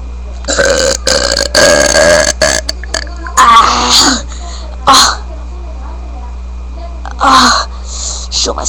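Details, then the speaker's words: Someone deliberately burping to do their biggest ever, after swallowing air, stomach full of air: several loud, drawn-out voiced belches in a row with short pauses and voice between; burping. "Dude, I'm going to do the biggest burp ever I ever done in history."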